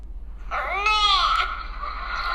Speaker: if you have noticed in the beginning of this cry the sound is na na it starts with na n n-e-h nah so if you hear a baby crying with a nah sound it could possibly be hunger cry